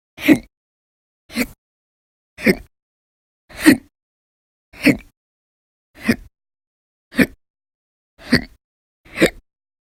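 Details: Nine short, sharp throat bursts about a second apart, roughly 50 a minute; persistent violent, very loud hiccup episodes lasting hours, recorded November 2019; hiccups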